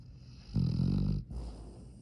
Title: Loud snoring dog